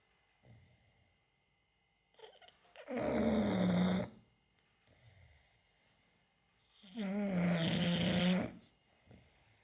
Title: English bulldogs snoring